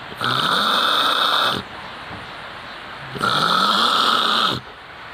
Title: kharate master (snoring sound).